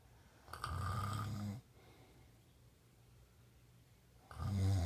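Deep, low, rumbling snores on the in-breath with a quiet pause between, in a quiet room.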